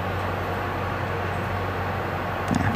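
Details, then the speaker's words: TGL-16X benchtop refrigerated micro high-speed centrifuge speeding up to 5000 rpm for a one-minute run: steady low motor hum with whirring; laboratory centrifuge spinning. "Hai kak Kesini rpm nya akan naik terlebih dahulu sampai 5000 RPM baru putaran dapat berlangsung"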